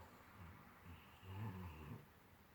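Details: Asleep, snoring: a soft, low rattling snore over a single breath in a quiet room. Snoring during sleep.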